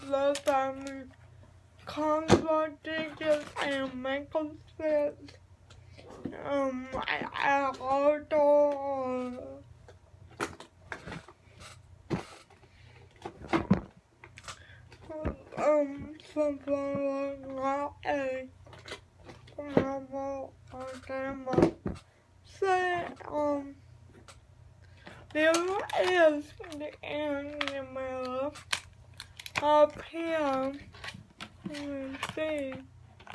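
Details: Dysarthria in a speaker with cerebral palsy.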